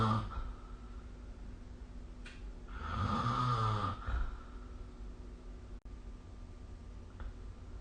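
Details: Snoring recorded with the SnoreLab app: a single low, rattling snore on one breath, with quiet breathing around it and a faint steady hum in the room.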